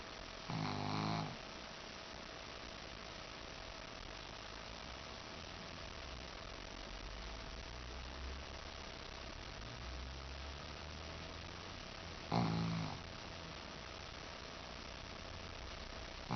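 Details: Shih-tzu dog snoring: two loud, rough snores about eleven seconds apart, with quiet breathing between, over a steady hum.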